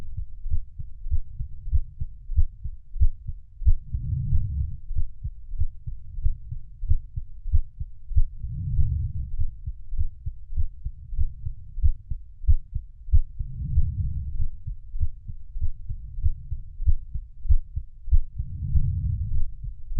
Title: Heartbeat Sounds for Sleep - 25 minutes